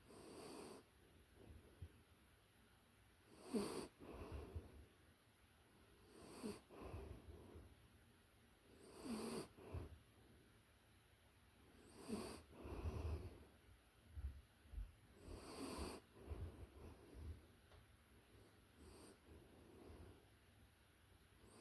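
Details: Close-up recording of a puppy in deep sleep: soft, rhythmic snuffling snores about every three seconds, roughly 20 a minute; ordinary sleep snoring.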